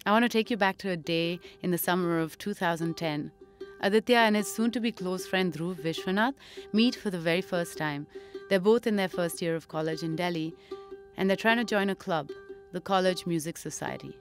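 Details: Adult narrator; normal fluent speech.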